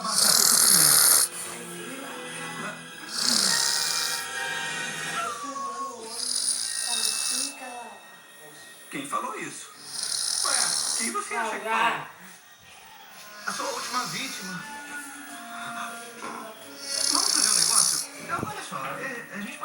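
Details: A father snoring: loud, harsh snoring bursts about every three to four seconds over background music and talk.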